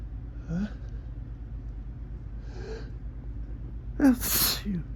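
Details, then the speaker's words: Morning sneezing fit while looking at summer sun through a window: two soft inward gasps, then a loud sneeze; photic (bright-light) sneeze reflex. "I just keep for some reason I woke up with a pretty good tickle. And it keeps teasing me, but I just keep looking. Just keep looking at the sun and it keeps helping me out."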